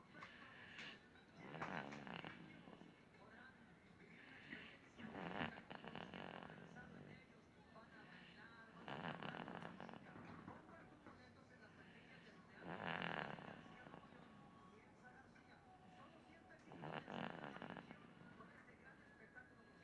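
Five rattling snores come at an even pace, about 16 a minute, with quiet pauses between them.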